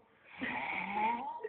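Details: Man snoring during sleep: a single rough, fluttering breath noise.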